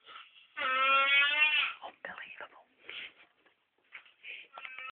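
A sustained high-pitched wail followed by shorter whimpering cries in a quiet room; an infant crying.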